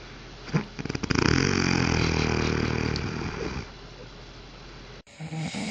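One loud, rattling, vibrating inhaled breath lasting a few seconds, then quiet breathing: a typical snore.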